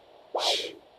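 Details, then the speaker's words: Handheld Doppler during intermittent auscultation of a pregnant woman: a single soft, slow whooshing swish from a maternal vessel, not the fetal heart. "means it's a maternal vessel that's slow what also has a flow pattern"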